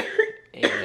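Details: Two short, harsh cough bursts from a woman in her early 30s with cystic fibrosis whose lungs are affected by Covid, after a rough, sleepless night.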